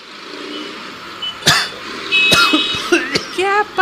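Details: Several short, sharp acted coughs over steady street and traffic noise, from a radio public-service announcement on cough etiquette, including wearing a mask; cough.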